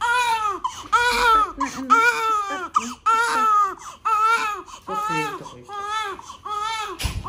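Repeated rhythmic wails with brief gasping breaths between them; sustained infant crying.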